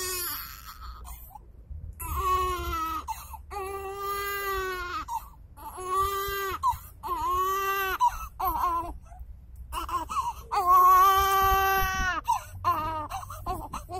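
Loud, rhythmic infant crying in repeated wailing bursts separated by brief breaths; ordinary vigorous baby cry.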